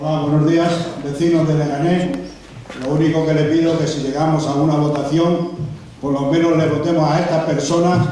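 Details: Adult man speaking Spanish; normal speech.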